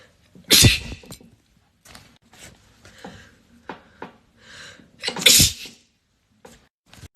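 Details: Two loud, sharp sneezes with breathy sounds between, in a short-video sneezing compilation; ordinary sneezing.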